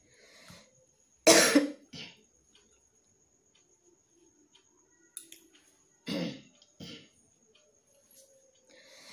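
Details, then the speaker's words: Person with a tickly dry cough after festival outings, worse at night, no cold, hoarse and painful throat: several harsh cough bursts with throat clearing between quiet pauses, irritated dry cough. "এতক্ষণ গলা খুসখুসটা একটু থামলো বাপরে, যতক্ষণ না কাশছে ততক্ষণ গলা খুসখুসটা থামছেই না।"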